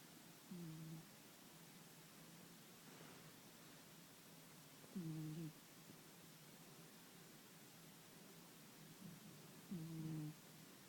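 Soft low tonal snores from a sleeping cat, three over about eleven seconds, against steady room hiss; ordinary snoring.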